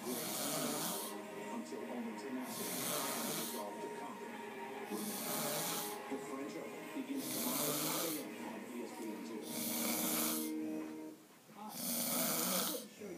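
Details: A man sleeping after a long night in Vegas, due up in two hours: loud, rasping breath sounds about 26 times a minute with noisy intakes and outflows; heavy snoring during sleep.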